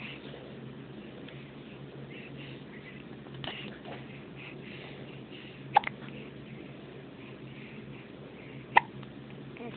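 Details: Two sharp, abrupt gulping clicks about three seconds apart over steady background hiss; hiccups.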